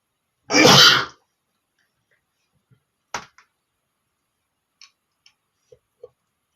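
One loud, explosive burst of breath and noise, then a few faint clicks and small sounds; a single sneeze.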